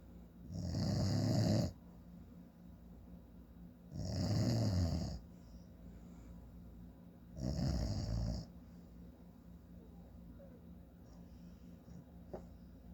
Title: My dad snoring again